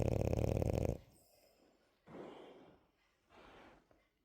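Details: Sleeping female French bulldog snoring quietly: a short burst of low, fluttering snorts, then soft, raspy breaths; gentle snoring in a short-nosed dog.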